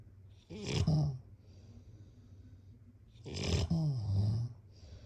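Two loud, rattling snores, one on each breath in, separated by quiet breathing out, in a quiet room; typical snoring during sleep.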